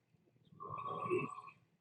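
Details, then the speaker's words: Man snoring, heard through an online meeting's computer microphone: a single rough, buzzing snore lasting about a second amid quiet room noise; snoring. "How embarrassing. He's snoring. You all can hear that, right?"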